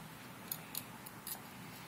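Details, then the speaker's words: Simulated dental hygiene demonstration, operator scaling upper anterior facial surfaces away, lip retracted, strokes rolling from tooth midline: four brief, sharp scraping clicks of a hand scaler across calculus. "And again, you can be coming from the midline of the tooth and rolling all the way in like that so that you get full coverage."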